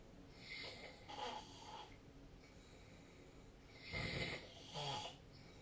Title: 🐽 本日のイビキ / Snoring Sleep Sound 2025/03/24